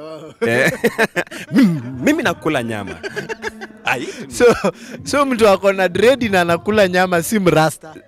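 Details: Adult male speaker; speech with sound and syllable repetitions.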